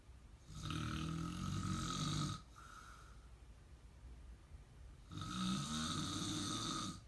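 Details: Man snoring during sleep: two long, loud, rattling snores with a quieter breath between them; steady snoring.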